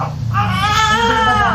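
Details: Newborn baby boy, a second baby, crying just after delivery: a single sustained, strong wail with a clear tone over room background; a vigorous newborn cry.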